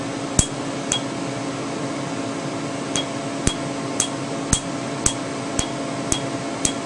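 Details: Sharp snapping clicks, about two per second, over a steady hum from a Candela Tri-Vantage Q-switched 755 nm alexandrite laser with a 2 mm spot removing a name tattoo under topical anesthetic.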